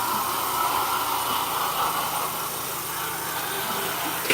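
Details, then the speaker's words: Steady motor drone with gurgling as a suction machine, its tube placed in the throat, clears phlegm, mucus and saliva for a mother with ALS whose secretions make breathing hard; oral suctioning. "You can hear her suctioning. That machine really helps her clear out any phlegm that she has in her throat. Mucus, saliva."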